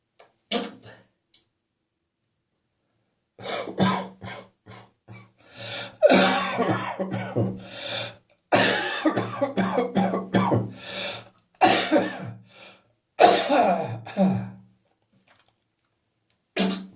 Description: Coughing and spitting in the evening after coming into the warm house from the cold outside air.